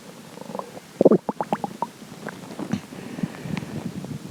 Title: more stomach growling